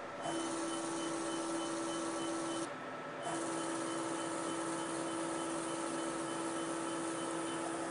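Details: Steady machine hum with a constant beep-like tone that briefly stops and then resumes: a fractional CO2 laser (30 mJ, 300 points/cm²) treating the face of a 67-year-old non-smoking woman with moderate sun-damaged skin (heliodermie).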